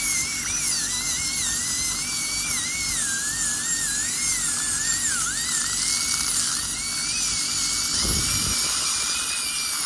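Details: Continuous high-pitched high-speed dental drill whine, pitch dipping under load, during crown preparation on a real male patient for porcelain-fused-to-metal bridges replacing extracted upper right second premolar and lower right first molar.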